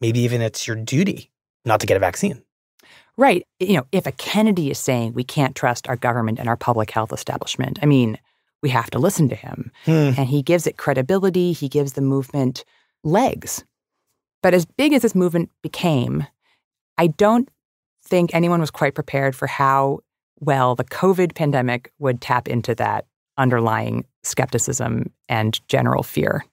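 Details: Adult male speaker; normal voice.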